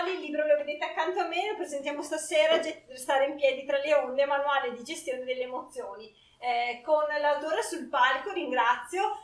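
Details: Adult speaker in a small room; normal fluent speech.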